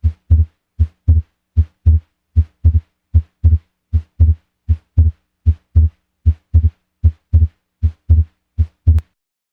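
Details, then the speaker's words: Heart auscultation teaching recording of persistent splitting of S2: A2 and P2 stay separate even during expiration, with some respiratory variation in intensity; regular rhythm about 77 beats a minute, second sound split throughout breathing. "el desdoblamiento de ese 2 persistente ocurre cuando a 2 y p2 no se fusionan en un solo ruido durante la espiración aunque suele escucharse alguna variación respiratoria en la intensidad de 2 y p2 un ruido de desdoblamiento persistente de ese 2 suena así"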